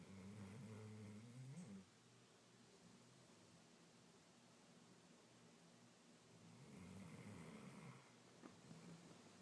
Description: My big baby napping on the couch and snoring!